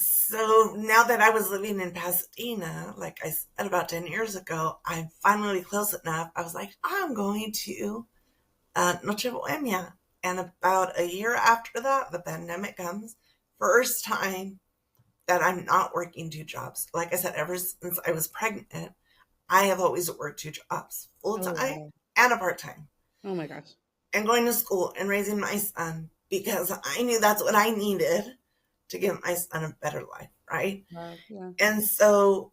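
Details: Adult woman with spasmodic dysphonia that began with stress in her first year as a teacher and took two years to diagnose; treated with Botox injections every few months, now at the end of her three-month cycle; spasmodic dysphonia.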